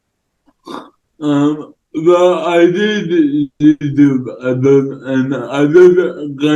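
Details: Male influencer with cerebral palsy; dysarthric speech (cerebral palsy), no specific speech disorder named.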